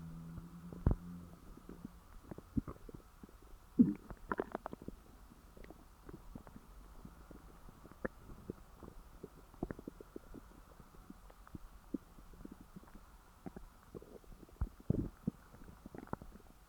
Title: After stuffing (gone wrong) stomach growls